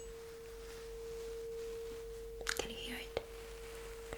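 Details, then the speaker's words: Hearing test in a simulated cranial nerve exam: a struck tuning fork is held behind the ear, giving a steady pure hum that fades slowly, with soft clicks and rustling nearby. "I will put it behind your ears and you will let me know when you cannot hear the sound anymore, okay?"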